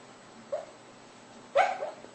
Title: sleep talking dog